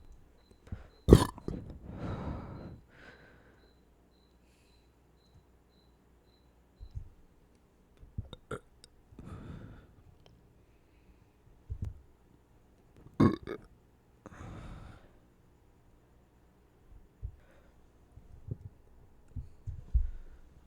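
Several loud low belches with quieter gulping sounds between them, in a quiet small room: repeated burping.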